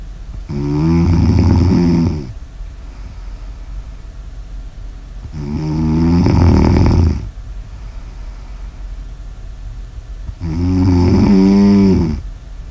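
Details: Snoring ASMR audio recording: loud, deep vibrating snores on three breaths about five seconds apart, about 12 breaths a minute, with quiet pauses between.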